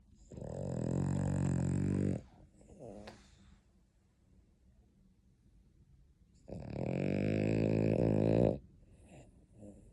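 Two long, buzzing, throaty snores about six seconds apart, with soft snuffling between them; a sleeping dog snoring.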